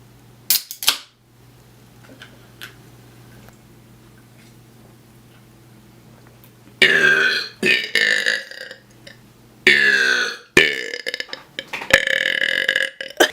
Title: burping brothers